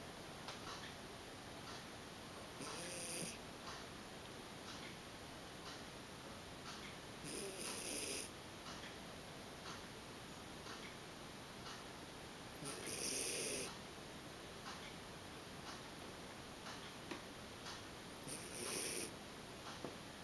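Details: Bolognese dog snoring while asleep: soft, snuffly snores about every five seconds, around eleven a minute, over a steady background hiss.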